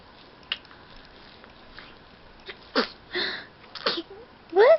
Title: Baby sneezes